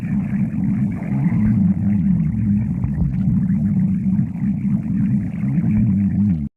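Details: A sustained, low, wavering rumble with gurgling undertones lasting about six seconds without a break, from a girlfriend's stomach; stomach growling (borborygmi).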